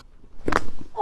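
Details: Quick crack blending into a brief vocal reaction during a chiropractic upper-body adjustment with shoulders relaxed and arms dropped; joint cavitation.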